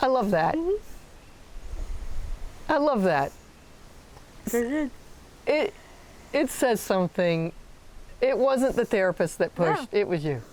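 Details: Adult woman speaking; typical speech.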